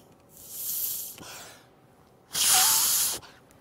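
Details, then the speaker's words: Two breathy, hissing blows of air, each about a second long: mouth-to-mouth rescue breaths after pinching the nose and tilting the chin, demonstrated on a CPR training mannequin by an emergency physician. "Uh, and the way mouthto-mouth breathing goes is like this. Pinch the nose, tilt the chin,"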